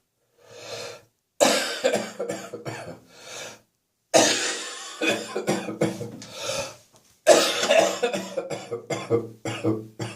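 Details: Three bouts of repeated, harsh, forceful coughing bursts with brief gaps between them; a persistent cough.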